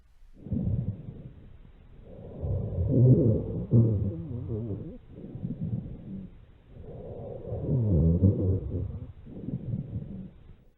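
Low-pitched snoring, rumbling sounds run through each breath, typical of rhonchi from secretions in the large airways.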